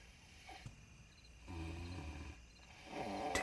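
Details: Snoring.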